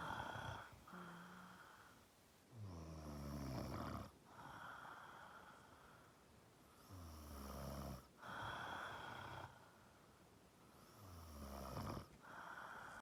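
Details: Snoring: loud rattling snores on each breath in, about 15 breaths a minute, with quieter breaths out between them.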